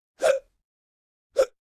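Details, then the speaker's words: Hiccups: two short, abrupt gulping bursts about a second apart with silence between. They are described as sudden diaphragm contraction pulling air in while the vocal cords snap shut. "लेकिन उसी पल गले की एक छोटी सी परत अचानक बंद हो जाती है। और उसी बंद होने से हिचकी की आवाज पैदा होती है।"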